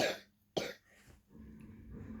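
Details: Cough: a 10-year-old girl coughing and laughing while reading a story aloud; two short, harsh cough bursts, then quiet breathing and faint room noise.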